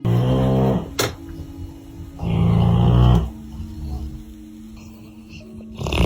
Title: Dog snoring